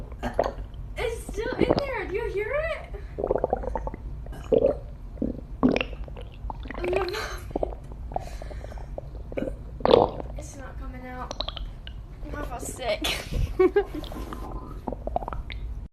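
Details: Girl trying to bring up stuck burps: gurgling stomach rumbling mixed with small burps and vocal straining, some talking between.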